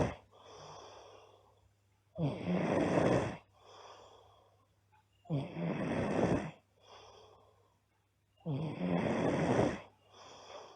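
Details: Loud rough snoring from a girl on each in-breath, with quieter out-breaths, about ten breaths a minute; heavy snoring during sleep.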